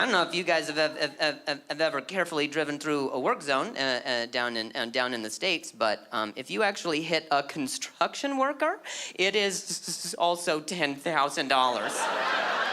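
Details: Adult male with stuttering that began at age 20 after a softball struck his throat, causing a minor vocal contusion and a major concussion later diagnosed as traumatic brain injury; audible word repetitions; stuttering.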